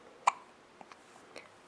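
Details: A 5-week-3-day-old baby girl has hiccups: a single sharp hiccup followed by a few faint softer clicks in a quiet room.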